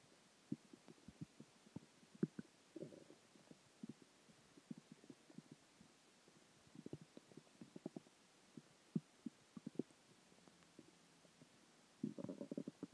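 Quiet gurgles, pops and low rumbles from the belly, bursting irregularly; ordinary stomach growling from food, water and gas.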